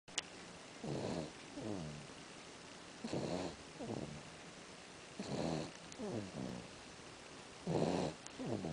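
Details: Rhythmic snoring in a quiet room, a low rattle on each in-breath and a softer sound on each out-breath, about 26 breaths a minute; snoring.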